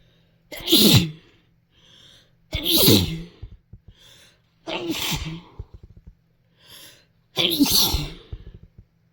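Four separate sneezes, each a sharp burst of air, a few seconds apart; ordinary sneezing.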